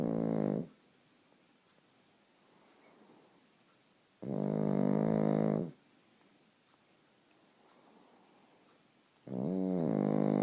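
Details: Sleepy pug puppy snoring: loud, rhythmic snorting snores, about three bursts in ten seconds with quiet pauses between.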